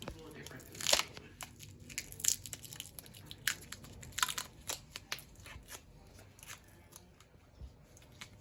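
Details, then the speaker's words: Simulated skills demonstration of a central line dressing change with clean gloves: crackly tearing and crinkling as the Tegaderm film is peeled toward the insertion site; dressing removal. "pull this down and I'm going to peel the taxiderm and I'm going to make sure that I peel towards the insertion inside"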